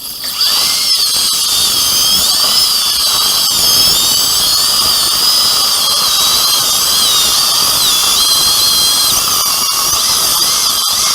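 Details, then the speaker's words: Upper second molar with fused single-like root, sectioned further with a diamond bur during extraction before immediate implant placement, with water spray: continuous shrill, wavering high-speed dental drill whine. "Tốt hơn là tôi nên cắt nó đi Làm ơn cho tôi một mũi khoan kim cương Một ít nước chảy ra Rễ không bị chia cắt Nó dính chặt như một rễ đơn Tôi cần cắt nó nhiều hơn, giống như vậy"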